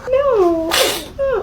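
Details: Infant sneeze: a high gliding baby vocal sound, then a sharp hissing burst and a short squeak.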